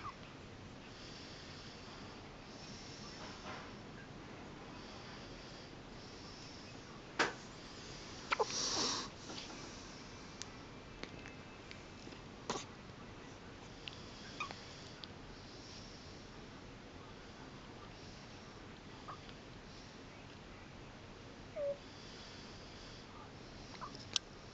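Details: A newborn's hiccups on her first night, recorded in hospital: faint, brief hiccup sounds spaced irregularly against a quiet, hissy room.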